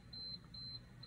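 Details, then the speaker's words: Endodontic apex locator with a file attached, in a teaching demo: short high-pitched electronic beeps as the display falls from 1.25 through 0.25 toward 0.0; the file is reaching working length at the apex. "so I'm attached to a file watch the numbers on the display right here and you're gonna know exactly when to stop you can see it's at one point to five and then one and we're approaching five away from the apex 0.25 and"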